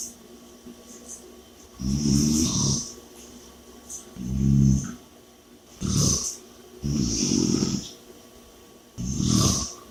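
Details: Loud rattling snores with a hissing exhale on each breath, about 15 breaths a minute; heavy snoring during sleep.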